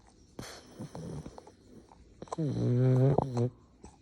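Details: A female pug, a flat-faced dog, makes short snorts then a loud, low, buzzing drawn-out snore lasting about a second; snoring.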